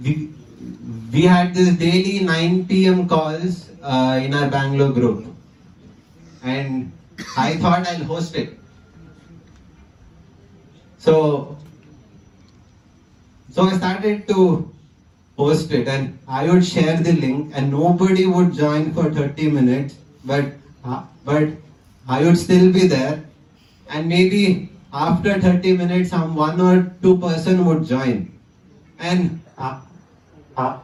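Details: 20-year-old man whose stammering returned with great intensity after the pandemic lockdown, giving a conference talk; phrase repetition; stuttering.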